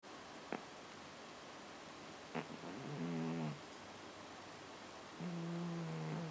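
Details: Sleeping pet snoring: two low, buzzing, tonal snores a couple of seconds apart, with a few soft clicks in between.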